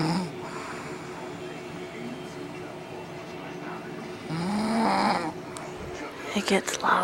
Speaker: This is my mom sleeping. She doesn't think she snores.